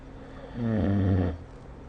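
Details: Snoring during sleep recorded with the SnoreLab phone app: a single low, rattling, buzzy snore under a second long rising from quiet room noise.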